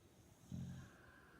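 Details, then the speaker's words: Boxer dog sleeping, snoring like a human: a single short, low, snorting snore over quiet background noise. "Min, stop snoring. Freaking hell, dog."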